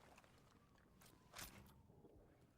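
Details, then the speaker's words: During an esports match broadcast, a female observer briefly unmutes her microphone just to sneeze, while commentators talk; sneeze. "She She unmuted just to sneeze."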